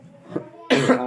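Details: Adult who has been ill for two to three days with a hoarse voice and a bad cough, which he attributes to the change of weather (title raises cold, cough or malaria): one loud, harsh cough burst with a voiced tail.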